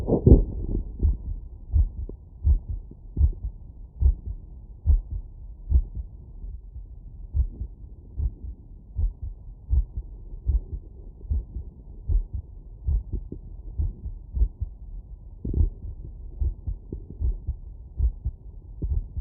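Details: Heart sounds through a stethoscope after exercise workload: strong, regular lub-dub beats at about 80 beats a minute.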